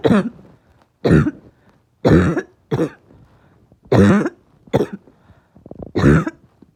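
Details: Harsh, hoarse barking cough with chest pain: seven loud, short bark-like bursts in about seven seconds, with pauses between.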